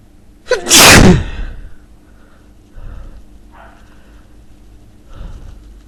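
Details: A single loud, explosive sneeze with a quick intake before it, followed by soft breathing and faint movement.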